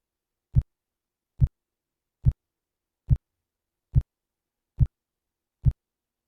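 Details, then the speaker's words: Simulated Korotkoff sounds from a computer blood pressure practice simulator that mimics cuff inflation and deflation: seven regular low thumps at about 71 per minute. "Now, hopefully you'll be able to hear this because I turned it on so that you should be able to hear my computer sounds, but it'll pretend to blow it up and then let the air out."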